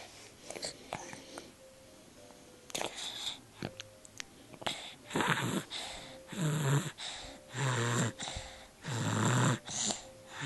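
Irregular snorting snores with whistling, wheezy breaths from a sleeping dog; ordinary dog snoring.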